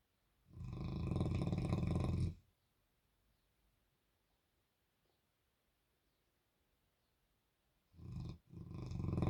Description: Albert The #Bernese Mountain Dog is sleeping, snoring, dreaming and has his tongue out.